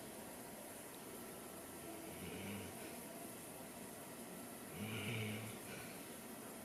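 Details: A male dog ('good boy') snoring while asleep: two low, rumbling snores on slow breaths in a quiet room.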